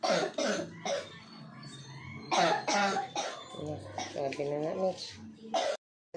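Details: An adult gives repeated short, harsh, dry coughs between voiced groans, bringing up no mucus.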